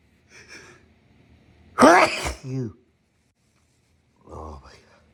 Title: Left over cold sneezes